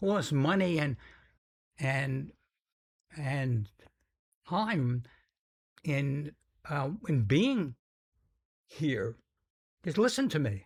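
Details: Stuttering in an adult man described as having a pretty strong stutter whose severity varies; stutters sometimes noticeably.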